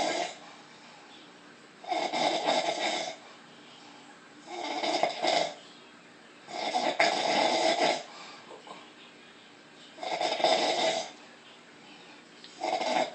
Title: Lady snores funny